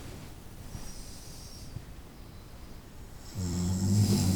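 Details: Night-time snoring recorded over about 25 minutes: quiet breathing, then a rough, rattling snore starting partway through.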